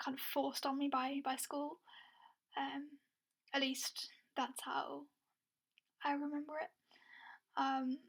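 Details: Adult woman with a lifelong stammer since early childhood, who had speech therapy at ages 12 and 16; stuttering (stammer).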